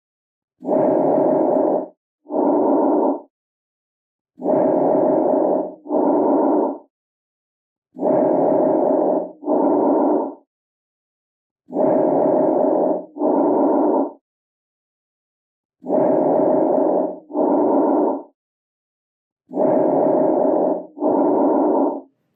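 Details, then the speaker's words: Bronchovesicular breath sounds, a mix of bronchial and vesicular sounds with inspiratory and expiratory phases of equal duration, normally heard at the first and second anterior intercostal spaces and the posterior interscapular area. "los ruidos broncodiculares son una mezcla de ruidos bronquiales y murmullo vesicular"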